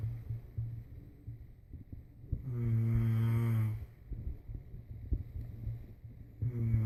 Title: Me snoring